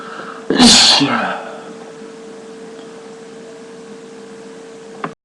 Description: In this video I sneeze many times after sniffing pepper